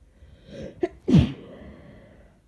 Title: Covered Sick Sneezes